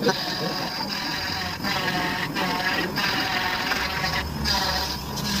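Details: Cast saw removing the plaster from a fractured ankle 28 days after an accident. A continuous buzzing motor whine with brief dips as the blade pauses while cutting the plaster.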